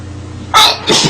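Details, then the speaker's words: Girl in a sneezing compilation who says she sneezed multiple times in a row; a quiet room, then one sharp, hissing sneeze burst, followed by a softer voiced sound, likely "excuse me"; sneeze. "I'm gonna sneeze it thank you all right as you can tell I sneezed like multiple times in a row that was embarrassing"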